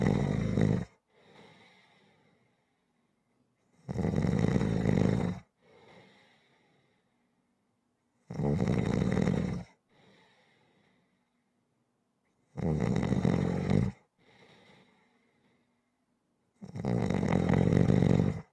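Loud, harsh snores on the in-breath, about one every four seconds, each followed by a softer breath out: rhythmic snoring.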